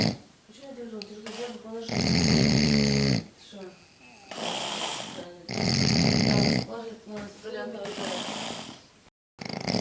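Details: Loud, rasping snores on each breath in, about two in ten seconds, with quieter breathing in between. Ordinary snoring.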